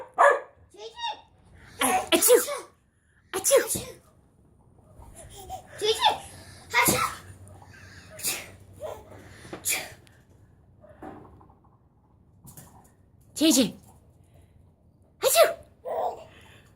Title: Sneezes are funny